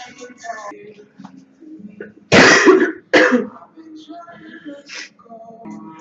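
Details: Girl coughing: two loud coughs over background music and talk.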